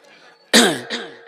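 An adult man gives one sharp, harsh cough followed by a shorter throat-clearing burst.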